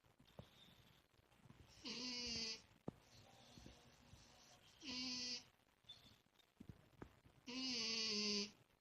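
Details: A sleeping female cat makes high, whistling, almost bleating snores, one with each breath, about 20 a minute; snoring.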